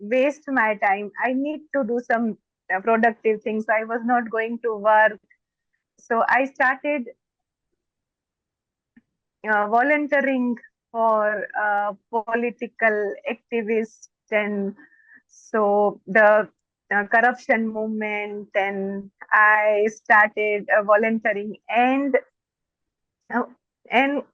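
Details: Stuttering (stammering) in an adult woman who says she stammers more when she gets excited.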